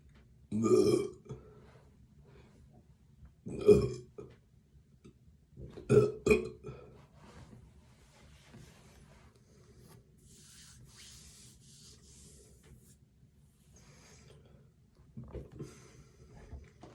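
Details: Burping after eating two meals at once following a 21-hour fast, with a stuffed, gurgly stomach: three loud, low burps in quick succession, then quieter belching near the end.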